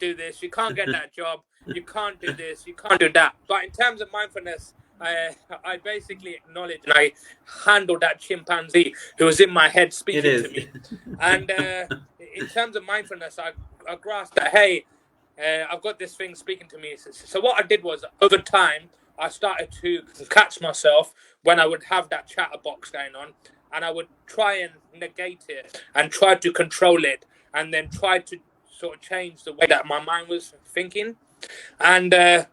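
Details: Stuttering in an adult who has stuttered since age four, stuttered on nearly every sentence at school, and now works as a teacher and life coach.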